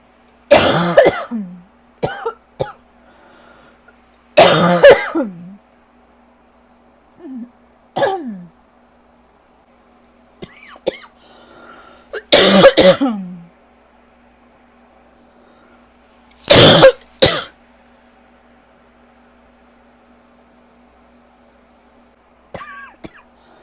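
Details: Person with asthma/allergy flare, likely worsened by lingering bronchitis, gives repeated harsh, dry hacking coughs in short bursts with quiet pauses, in a quiet room; dry cough.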